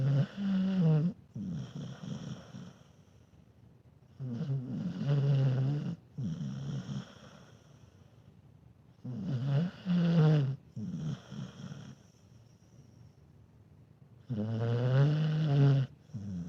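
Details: Loud, low rattling snores from a sleeping dog, steady rhythm about 13 a minute with quiet breaths between; snoring.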